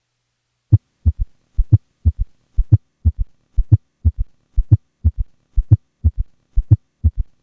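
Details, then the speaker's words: S3 and S4 gallop at 60 beats a minute, recorded during expiration so S2 is not split: four low sounds per cycle, S4, S1, S2, then S3. "here is a patient with both an S3 and an S4 at a heart rate of 60 beats per minute with a recording made during expiration and thus without an S2 split"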